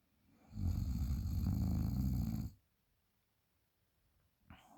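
One long, loud, low rattling snore on a breath in, followed by quiet.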